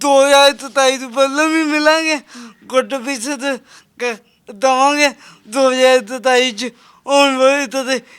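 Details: Stammering present since birth in a young Punjabi man with a disabled hand.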